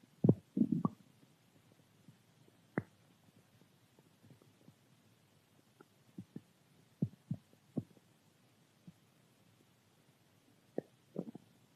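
Scattered soft gurgles and short low rumbles from the belly, with quiet gaps between them; ordinary stomach growling.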